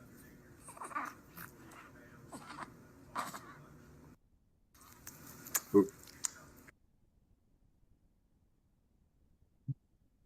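Short, low, voiced grunts break into a child's noisy breathing at irregular intervals, with room noise behind: expiratory grunting from increased work of breathing.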